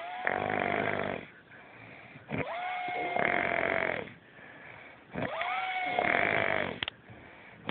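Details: Adult man asleep in a hotel bed, snoring heavily: loud rattling, whistling snores in a steady rhythm, about three breaths in under eight seconds, with quieter exhalations between.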